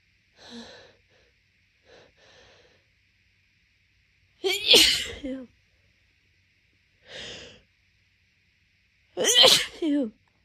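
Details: Person with allergic rhinitis waking congested daily for a month, before morning meds: short sniffing in-breaths build to two loud explosive congested sneezes; allergic sneezing; phone resting on leg.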